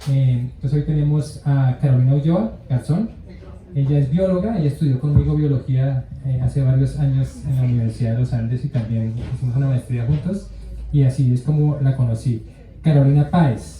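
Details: Adult male speaker; no speech disorder.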